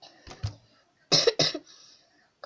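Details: Child with a bad cough: two harsh coughs in quick succession after a softer throat sound.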